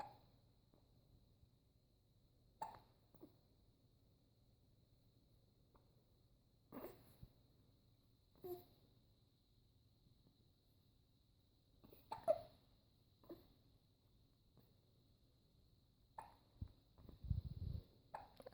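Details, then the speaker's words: Infant with hiccups during tummy time: brief, sharp, soft catches at uneven intervals, about 12 a minute, over quiet room noise. "Uh-oh, you got hiccups?"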